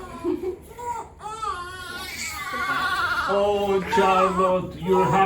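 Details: A premature infant girl, born six weeks early, fusses and cries in short rising wails at a cardiology visit for an ECG for a murmur later called innocent. Faint background music plays.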